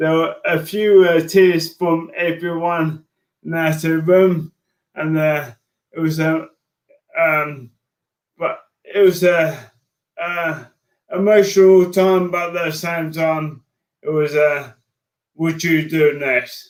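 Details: Man diagnosed with motor neurone disease in January 2018; his speech became slow and slurred as an early sign of the disease, alongside frequent tripping. Dysarthria (motor neurone disease).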